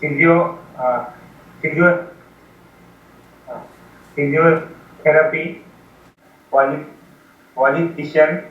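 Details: Young man from India, stuttering since age 7 after copying a stutterer, severe with 'breathing stupor' after 20 years of speech therapy; reading word lists with part-word repetitions; stuttering.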